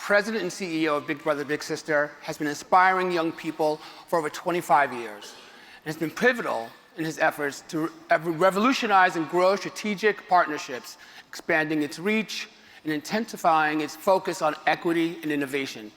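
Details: Adult speaker; normal voice.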